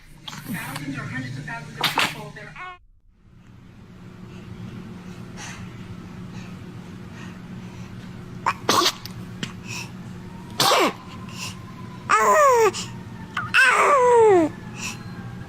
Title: Funny Babies Sneezing Video Compilation